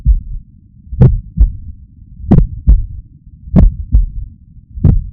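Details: Third heart sound (S3 gallop) recorded from the uploader's own heart, who hopes it reflects athletic training: slow heartbeat about 47 a minute with soft low extra sound just after S2.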